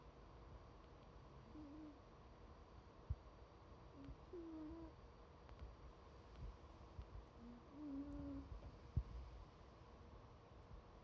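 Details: Cat snoring quietly: soft, faint whistling squeaks recurring every few seconds with the breaths over a steady low room hum.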